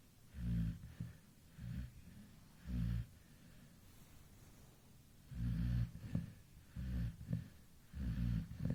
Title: MY snoring baby at 2 A.M sleeping relaxly with PP